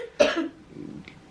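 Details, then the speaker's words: A single wet, harsh cough in an adult woman with cystic fibrosis who started coughing up mouthfuls of pure blood (haemoptysis) while lying down at night. "started coughing up mouthfuls of blood. She knew it felt different when she coughed, and she like showed me, which reminds me of that time she coughed up blood."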